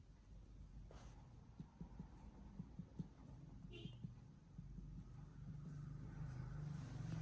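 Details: Percussion over the left anterior area in a 30-year-old man during abdominal examination: no change from tympany to dullness, normal splenic percussion.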